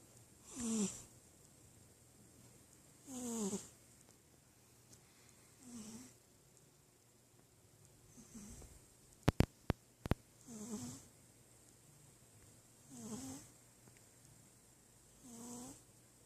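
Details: Cat snoring quietly: soft, regular snores about every 2.5 seconds, roughly 24 a minute, with a few sharp clicks in between; snoring.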